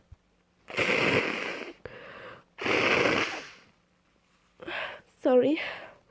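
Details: Female trying, unsuccessfully, to hold back sneezes, partly while talking: several noisy suppressed sneeze bursts with sharp in-breaths between, ending in a fuller sneeze with a voiced cry.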